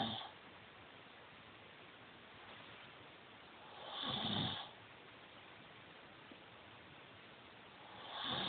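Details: Snoring while wearing anti-snore nasal strips; regular rough, rattling snores about every four seconds, roughly 15 a minute, with quiet pauses between: steady snoring.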